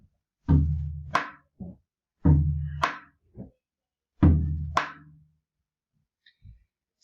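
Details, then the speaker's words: Simulated on a drum: paired low thuds imitating a softened, diminished first heart sound. "si el ruido está intensificado sonaría así si está pelado sonaría así"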